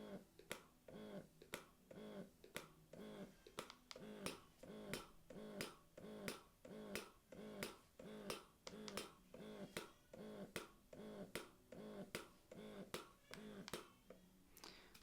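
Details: Lansinoh Signature Pro double electric breast pump being demonstrated during unboxing and setup, cycling through suction and cycle-speed settings: rhythmic pumping clicks and whooshes, roughly 90 a minute, as the electric breast pump motor cycles its suction.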